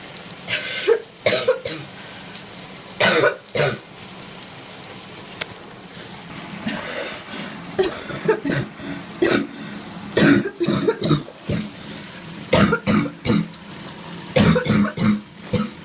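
Repeated harsh, wet coughs and throat clearing with spitting over steady running-water noise, a productive cough.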